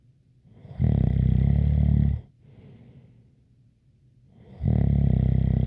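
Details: ASMR snoring recording with a light whistle: loud, deep buzzing snores on each breath in with a faint airy breath out between; steady sleep snoring.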